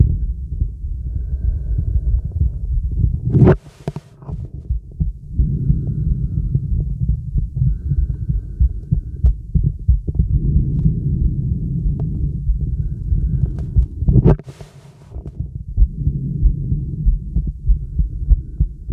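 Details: Breath sounds heard over a young woman's left lung through a real stethoscope: normal breath sounds.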